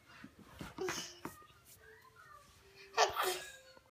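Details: Baby sneezing and in good spirits, with allergies suspected by the parent: a few soft breathy fussing sounds, then a small, sharp sneeze burst.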